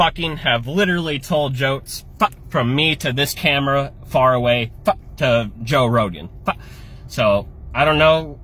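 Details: Adult man with Tourette syndrome; vocal tics.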